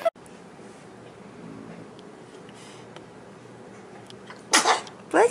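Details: Baby sneezing from a funny-babies compilation: two small, sharp sneeze bursts near the end over quiet room noise.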